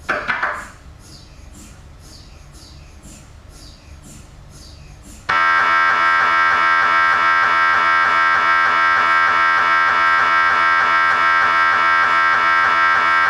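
Brief knocking, then a loud steady buzzing drone pulsing about four times a second, typical of an MRI scanner running a sequence.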